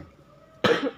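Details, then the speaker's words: Single short, sharp cough from the speaker, who says they are coughing, during a home tour in a quiet room. "Excuse me, inuubo kasi ako guys."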